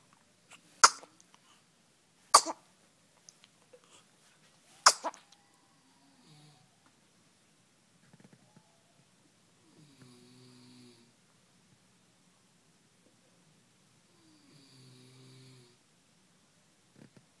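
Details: A child sneezes three times in quick succession, sharp explosive bursts a couple of seconds apart; sneezing.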